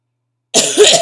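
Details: Adult with chronic illness and asthma complications, sick with bronchitis and taking steroids (prednisone): after half a second of silence, one or two harsh, rough cough bursts with a throaty edge; bronchitis cough.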